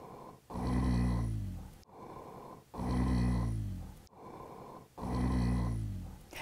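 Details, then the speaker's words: Rhonchi, lung sound recording: low-pitched, loud, continuous snoring-like sounds with each breath, about 27 breaths a minute, mainly expiratory; air hitting mucus and fluid secretions in the trachea and bronchi, as in bronchitis, pneumonia, COPD. "now what causes this sound well it occurs whenever air leaves the trachea and broncus and it hits secretions like mucus and fluid and whenever it does this it creates this snoring like sound that you're hearing"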